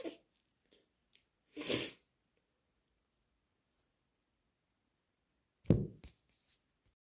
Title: Wet, messy induced sneezes plus blows